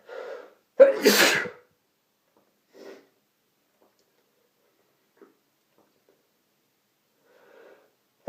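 One loud, explosive sneeze with a short intake of breath before it, then a few faint breaths and small sounds, consistent with allergy sneezing.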